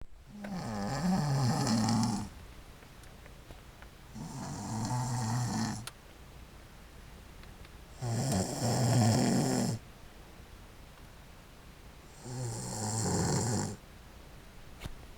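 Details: Woman passed out asleep in her car, snoring steadily: four loud, rattling, low snores about four seconds apart, roughly 15 breaths a minute, with quiet exhalations between.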